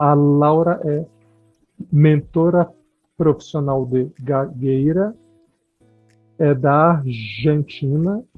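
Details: Adult speaker; normal speech.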